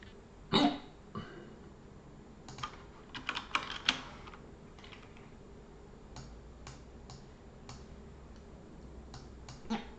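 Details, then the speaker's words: Persistent hiccups lasting over an hour: sharp, abrupt throat catches recurring about every second, over keyboard typing and speech. "I have a really bad hiccup right now. I've had it for over an hour, as you can hear."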